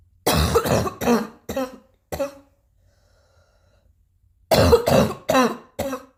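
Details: Two bouts of harsh, short, repeated coughs, about five coughs and then four more after a brief quiet pause; coughing fit.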